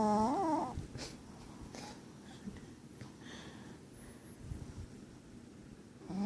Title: My dog lucky snoring LOL